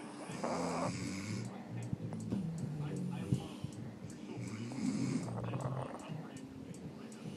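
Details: Pug (Yoda) snoring while asleep: low rumbling, snorting breaths with rough fluttering through nose and throat over faint background music; snoring in a flat-faced dog.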